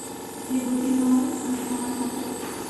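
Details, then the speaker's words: Compressor nebulizer switched on for an adult male patient's inhalation therapy while he breathes normally; the medication is run until finished, usually in 10–20 minutes: steady low motor hum with a droning buzz. "ini alatnya obatnya saya hidupkan nah nafas biasa ya"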